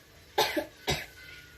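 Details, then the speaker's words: Two short, strong voluntary coughs from a child, asked to cough after 3–5 minutes of hand clapping in postural drainage for sputum in the upper lungs, in a nursing-student demonstration; deliberate cough. "Lalu suruh anak untuk batuk. Batuk ini ada ya."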